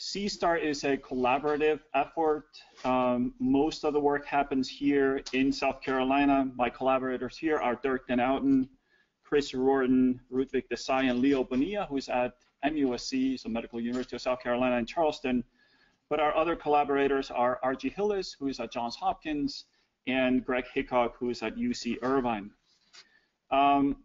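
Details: Adult male speaker; ordinary fluent speech.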